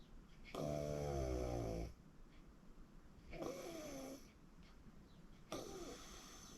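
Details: Person recording their own sleep: loud, rough, vibrating snores on the in-breath, three within a few seconds, faint room hiss between. Snoring.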